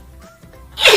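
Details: Girl sneezing: faint background music, then one sudden loud, hissing explosive burst of air, abruptly cut off; a sneeze.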